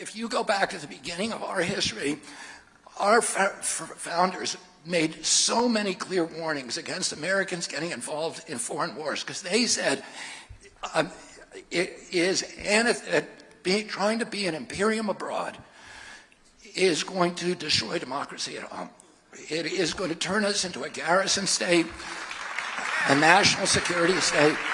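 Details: Adult male with spasmodic dysphonia, in which the voice muscles contract involuntarily and distort the voice (laryngeal dysphonia), speaking in a campaign speech; spasmodic dysphonia.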